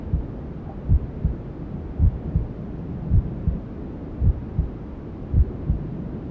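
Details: Newborn-sleep ASMR: slow, regular low heartbeat thumps at about 54 a minute under a steady rushing white noise, presented as a mother's heartbeat and womb sounds heard by the fetus.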